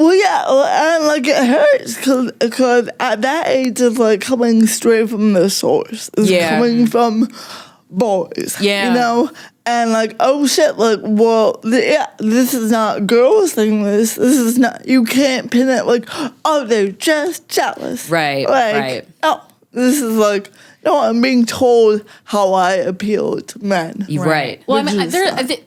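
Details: Dysarthria in an adult woman with cerebral palsy, which she says mostly affects her speech and makes talking harder, and also affects her fine motor skills and slightly her walking; she uses no mobility aid; real speech.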